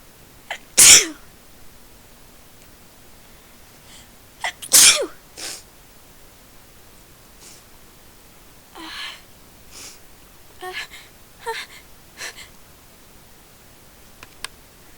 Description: I sneezed thrity times in a row. At least I tried to... I kinda lost count towards the end :P